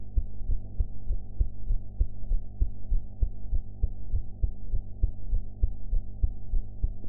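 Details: Own heart sounds recorded after eating, quality enhanced: steady low thumping heartbeat at about 100 beats a minute over a low hum; ordinary heart sounds.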